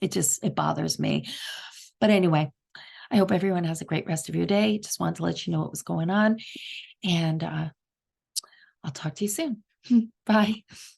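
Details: Adult woman diagnosed with subglottic stenosis in September 2023. She gets short of breath and gasps for air while talking, and it is audible over the phone; subglottic stenosis with noisy inspiration during speech.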